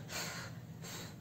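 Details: Demonstration of breathiness, a voice quality disorder from poor glottal control letting out excess air while speaking: breathy voice.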